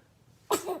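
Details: Baby's sneeze from a funny baby sneezing compilation: a single short, sharp burst of breath after quiet; infant sneeze.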